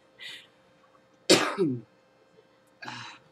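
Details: Adult in the morning: one sharp explosive burst with a short voiced tail, between two softer breathy sounds; a single sneeze.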